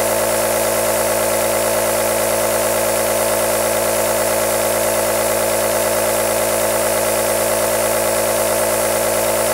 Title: AEROSOL Nebulizer Sound | 10 Hours White Noise - Black Screen | Calm, Relax or Sooth a Baby